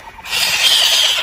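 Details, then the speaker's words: Baby raccoons left behind by their mother, kept on heat all day, giving high-pitched, raspy chittering cries; baby raccoon crying. "but we have two sets of baby crying babies right now one this one there's four babies in there"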